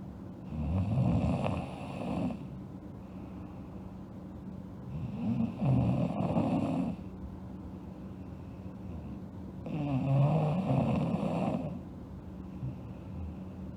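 Three loud, rough, vibrating inward snores about every four to five seconds, with a faint steady hum behind; snoring.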